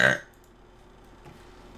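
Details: Woman streamer: one brief, loud, throaty burst, then quiet room noise; a single burp.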